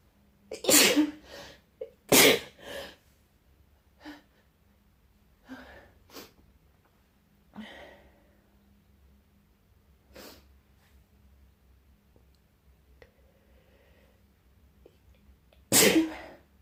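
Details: Person with a mild cold who woke with a nose tickle, sneezing in the morning. Three loud, explosive sneezes with quieter sniffs and breaths between them in a quiet room: sneezing.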